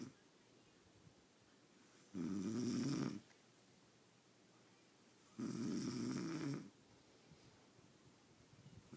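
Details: Two rough, rattling inhalations about three seconds apart in a quiet room, roughly 19 breaths a minute, during deep sleep; snoring.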